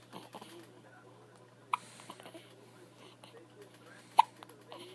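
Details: Two sharp, isolated hiccups about two and a half seconds apart from a baby, with soft infant sounds between them over quiet room noise.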